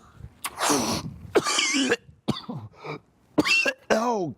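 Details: Repeated harsh adult coughs and throat-clearing with brief voiced gasps between bursts, performed during a comedy blooper; cough.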